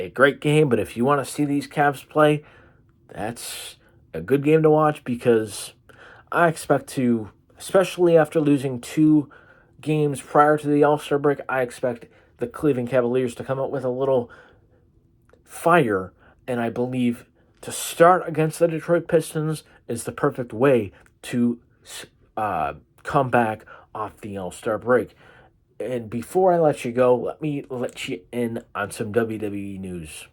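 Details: Man with cerebral palsy causing an occasional stutter; stuttering (speech disfluency).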